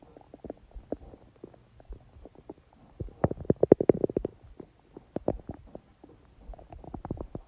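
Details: Woman during menstruation with dull abdominal pain: frequent gurgling and bubbling with a louder rumbling burst; active bowel sounds, stomach growling (borborygmi).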